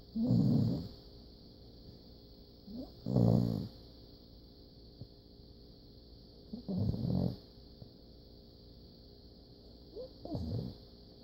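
Four loud, rough breathing noises about every three and a half seconds, each with a softer snort between. A sleeping puppy's snoring.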